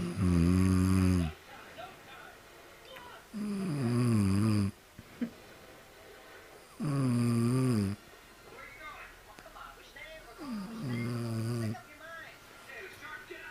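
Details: Loud, regular tonal snores while breathing in, about 17 a minute, with quiet pauses between them.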